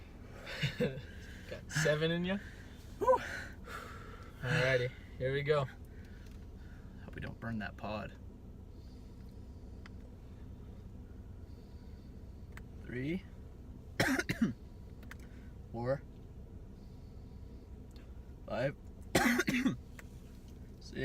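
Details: Young men doing a mouth-to-lung vape hit challenge with a Suorin Drop, in a parking lot: repeated harsh, voiced coughing bursts with gasps between them after deep inhaled hits. Cough after vaping.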